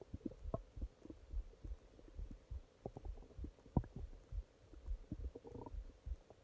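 Soft, low, irregular gurgling and rumbling from the belly; ordinary stomach growling at night.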